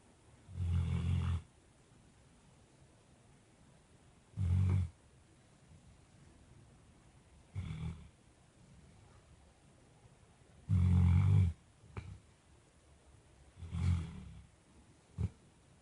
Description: Drako, 8 months old Newfoundland dog snoring.